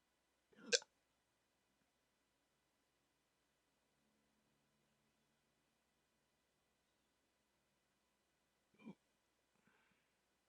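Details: Adult waking from sleep with a CPAP mask during sleep apnea treatment, in a rare 14-minute hiccup attack: two sharp, brief hiccups about eight seconds apart in an otherwise quiet room.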